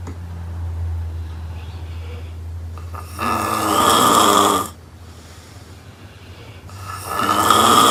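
Loud, harsh rattling snores with each breath, about 17 a minute, over a low background hum; heavy snoring.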